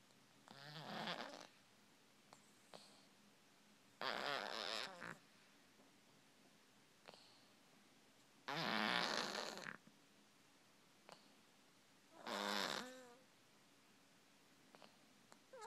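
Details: Female cat sleeping on her back: raspy, whistling snores with each breath, about 16 a minute, separated by quiet gaps; snoring.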